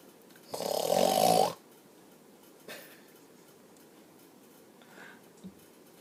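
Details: Father snoring next to his young child; one loud rasping snore, then faint breathing in a quiet room: snoring.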